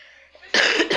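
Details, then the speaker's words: Adult recovering from illness with a cough: a quiet lead-in, then a loud, harsh, heavy chesty cough with a second burst right after. "oh god sorry for that where's my hanky okay yeah sorry for that you know you are with that sick person so you have to bear that situation"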